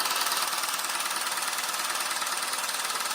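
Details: Handheld low-intensity shockwave therapy device (Rocket, for erectile dysfunction) applied to the sides of the penis, second round: fast, steady mechanical tapping, about 143 pulses a minute; user reports no pain.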